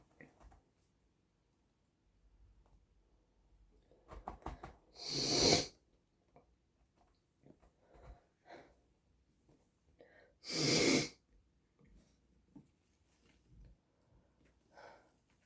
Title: REALLY SNOTTY! Sneezes, blowing nose, and handkerchief